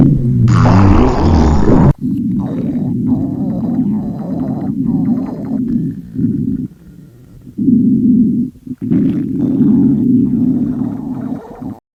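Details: Girl's stomach growling during a gravure photo shoot, presumably while dieting: long, low rumbling and gurgling from the belly, rising and falling over several seconds. Hunger-related stomach growling.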